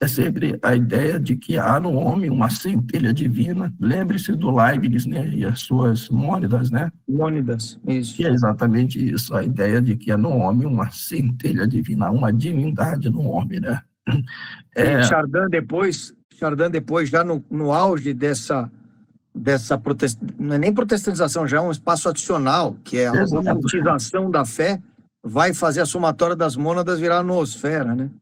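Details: Adult man with spasmodic dysphonia treated with toxin injections; he says his voice is worse than last time as the toxin wears off after 3 to 4 months, next application due early July; spasmodic dysphonia.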